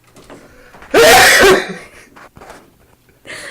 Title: Sneeze with eyes open